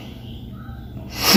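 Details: Vocal tic from an adult with Tourette's who says he is fairly good at suppressing tics but tics heavily when reminded of them.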